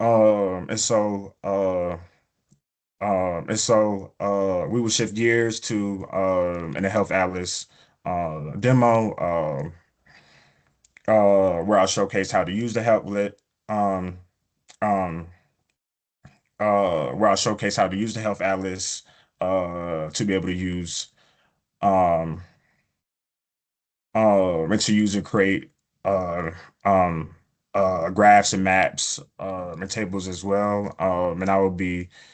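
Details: Adult male epidemiologist who stutters, with self-reported prolongations of words or sounds, blocks and repetitions in his speech; stuttering.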